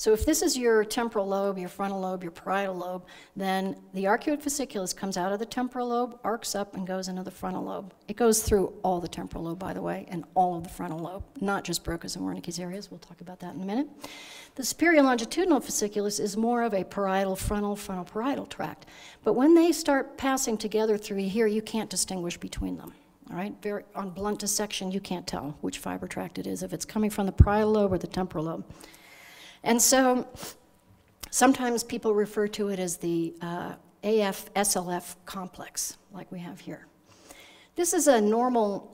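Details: Adult woman lecturing; normal speech.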